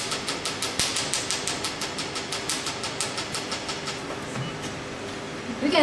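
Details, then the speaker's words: Q-switched Nd:YAG laser firing: steady rapid snapping clicks, about six per second, fading near the end, during a training demonstration of a facial carbon peel, with energy and frequency set and the laser fired by foot pedal. "now working in the treatments after we set the energies 800 minutes walk as frequently ios6 frequency then we see we have a red light 2.0 where the laser is and then I applied the foot pedal"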